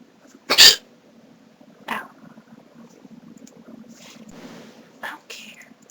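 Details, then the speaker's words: Hiccup during a severe bout, escaping as the mouth opens: hiccups. "Excuse me. I guess when I feel a hiccup coming, I shouldn't open my mouth."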